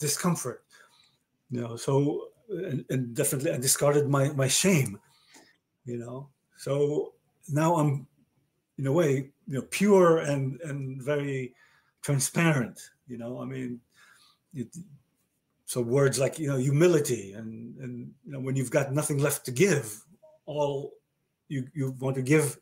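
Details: Male stroke survivor with aphasia following a stroke about 30 years earlier: real, chronic post-stroke aphasia.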